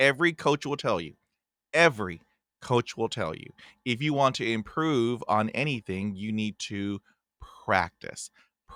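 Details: Adult man from Texas with a stutter featuring blocks and repetitions, who had speech therapy in 1975; stuttering.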